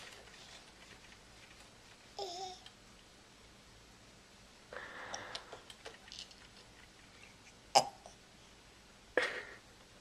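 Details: Infant's hiccups: a few short, abrupt catches in the breathing among soft babbling in a quiet room, recorded with a Flip Video camera.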